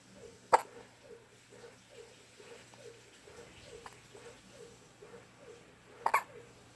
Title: Cutest Hiccups Ever!